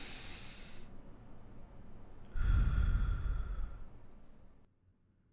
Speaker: ruidos agregados el murmullo vesicular aumenta a causa de la hiperventilación se produce durante el ejercicio